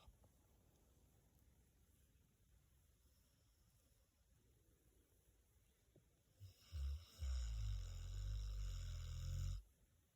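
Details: Snoring during sleep while being snuggled; a few snorts in a quiet room, then a long, deep, rumbling snore.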